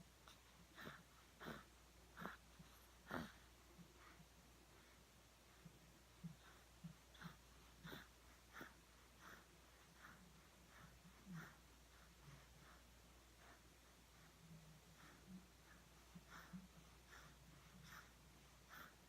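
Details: Sleeping animal snoring: soft, fairly regular snuffly snorts and breathing noises over quiet room hum.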